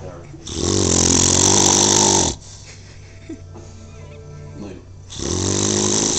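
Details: Jon sleeping on the couch: loud, rough, rattling snores on breathing in, separated by quieter breathing out, about 13 breaths a minute.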